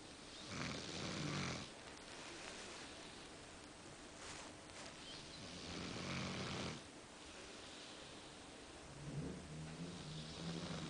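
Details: A person snoring while asleep at night, described as very unbearable and as keeping someone else awake.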